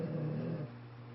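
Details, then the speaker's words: Snoring from a female (little girl) sleeping, tired after a long walk and working. "Did you hear that? That snoring? That little girl is tired because we've been working it and walking for a long way."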